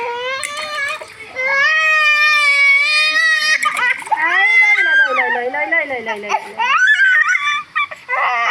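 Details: Loud, sustained high-pitched wails with rising and falling pitch and brief catches of breath from a baby crying during a bath; an ordinary vigorous infant cry.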